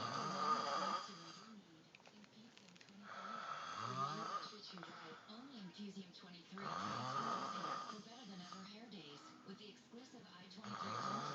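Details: Snoring: loud, rough snores recurring every few seconds with each breath, with faint talk in the background.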